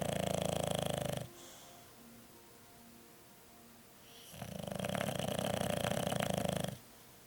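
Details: English Bulldog sleeping soundly, snoring: two long, loud, rattling snores a few seconds apart with a coarse fluttering buzz, separated by a quiet pause.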